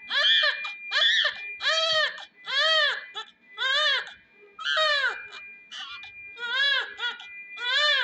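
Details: Vigorous cry of a newborn baby boy just after birth, lying under a warmer: about nine strong, rhythmic cries with short breaths between.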